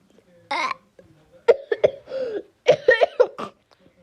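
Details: Coughing from a person who also mentions their heart hurting: a few short, sharp cough bursts in quick succession, with a brief voiced sound between them.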